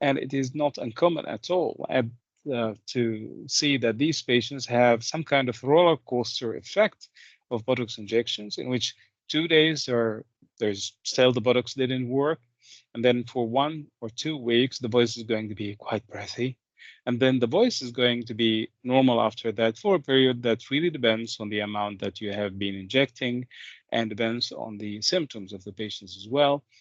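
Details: Adult male speaker giving a lecture; typical speech.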